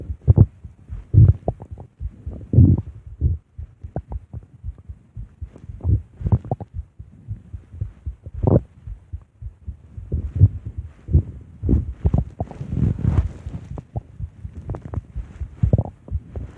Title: Big bad Ape stomach growls